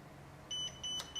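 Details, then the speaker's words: Zoll R Series Plus defibrillator in a training demonstration, switched on: three short, high electronic beeps over faint room hum as it powers on into AED mode. "Once the pads are in place, turn the machine on. So to turn it on, it's just simply turn it till it slots in."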